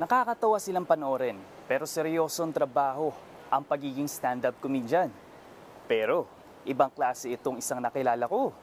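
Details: Adult speaking Filipino; normal fluent speech.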